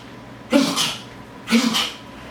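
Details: Acted comedy sneezes for entertainment: two loud sneezes about a second apart.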